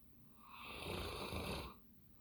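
A single long, rough, rumbling breath, a dog snoring in its sleep.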